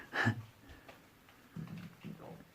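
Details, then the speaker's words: After a brief knock, two low gurgling rumbles in a quiet underground cellar: an adult's stomach rumbling (borborygmi). "Oh, I don't know if you can hear the guys, that's my tummy rumbling. If you can hear that noise."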